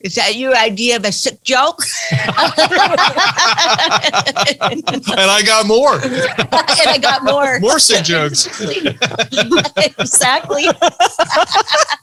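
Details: Adult speaker; typical speech.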